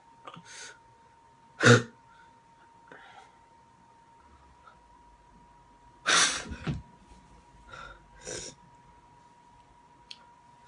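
Several short nasal bursts and sneeze-like snorts with quick in-breaths, over a steady background hum; snorting sneezes.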